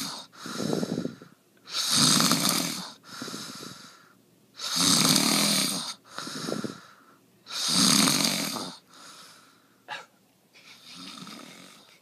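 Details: Loud, rough snores on each inhalation with quieter rattling exhalations, about 20 breaths a minute, in a quiet room; ordinary heavy snoring.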